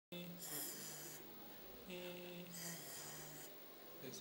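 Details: Unilateral left vocal cord paralysis with breathy voice: breathy voice in unilateral vocal cord paralysis.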